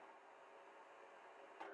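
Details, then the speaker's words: Philips Respironics cough assist machine: steady airflow hiss then a sharper louder rush as the device switches from insufflation to exsufflation, one breath in, one breath out, five cycles. "Press the therapy button. The machine will do everything for you. Each cycle is going to go five times. So, that's one breath in,"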